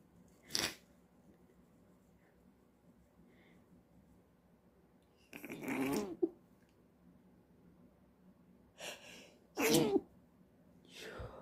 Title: I can't stop sneezing...